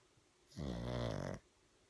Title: #cute #pug #sleeping # snoring # one eye open #lazy pug catching a few zzzzzzz